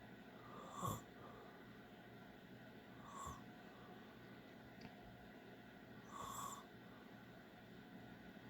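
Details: An adult man (a dad) snoring: three brief snorting snores spaced a few seconds apart against quiet room hiss.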